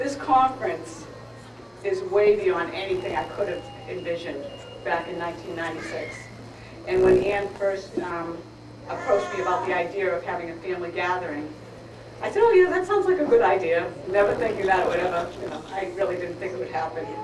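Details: Adult woman; plain speech.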